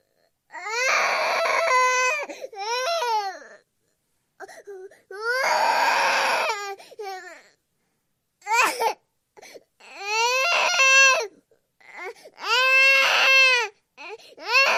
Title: Baby Crying sound effect _ baby screaming and crying _ baby noises #𝙖𝙣𝙜𝙧𝙮𝙨𝙤𝙪𝙣𝙙 #babycrying